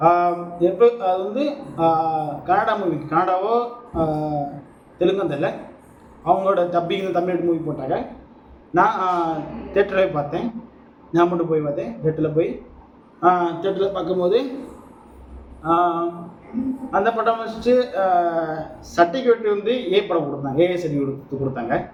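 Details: Adult male Tamil speaker who says he is a person who stammers, speaking spontaneously; stuttering.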